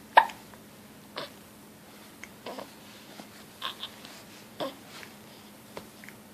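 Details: Hiccups from a baby with a serious face.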